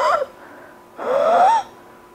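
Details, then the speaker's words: Pediatric airway surgeon imitating stridor heard in children with airway obstruction, swelling or foreign body: harsh, high-pitched crowing on a breath in from a narrowed upper airway. "they will present with certain kinds of noise like breathing difficulties in the form of sounds like these"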